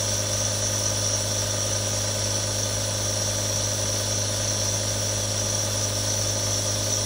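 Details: Real compressor nebulizer, one of three recorded: constant low motor hum with a steady airy hiss while running.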